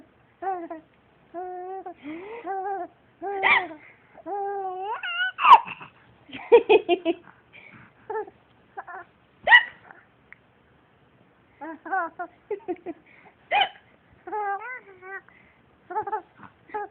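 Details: Infant babbling and laughing, broken every few seconds by abrupt, sharp catches in the voice; hiccups in a laughing baby.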